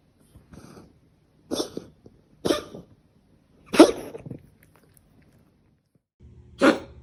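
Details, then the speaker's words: Several short, dry, hacking bursts about a second apart: a cat coughing, a reflex easily mistaken for retching to bring up vomit or a hairball. "那咳嗽的话，它就是一个保护我们呼吸道的一个反射机制，透过压力的变化，把这些外来的东西把它排出来。"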